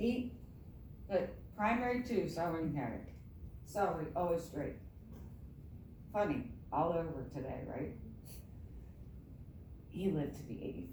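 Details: Adult woman with myasthenia gravis since age 7 (about 45 years), apparently without her custom palatal device; palate fails to close so air escapes through the nose during reading; hypernasal speech.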